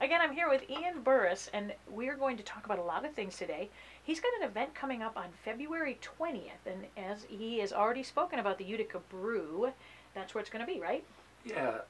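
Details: Adult female speaker; Normal speech.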